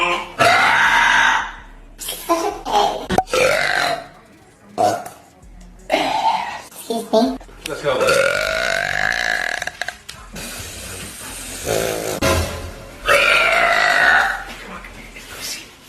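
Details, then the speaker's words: A woman who has been gassy all day, burping repeatedly and unable to stop: a string of long, loud, voiced belches, some drawn out over a second or more, with background music. "I've been so gassy all day today once I start I can't stop watch"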